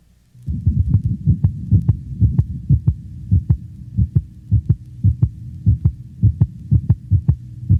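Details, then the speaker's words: Normal dog without a split first heart sound: regular, crisp paired heartbeats at roughly 130 a minute. Normal heart sounds. "compare the split first heart sound in the previous band to that of a normal dog without a split first sound"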